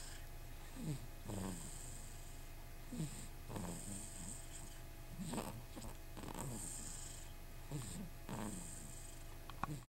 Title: Train Snoring